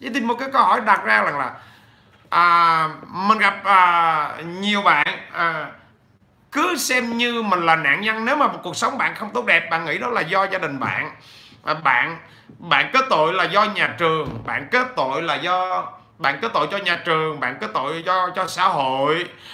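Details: 43-year-old man who has stuttered since childhood; he says it has eased with frequent speaking but persists; stuttering.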